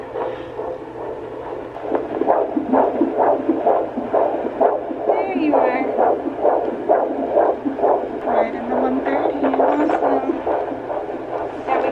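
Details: Fetal heartbeat of a baby girl at a 38-week midwife appointment: rapid rhythmic whooshing pulses from a Doppler probe, about 130 a minute.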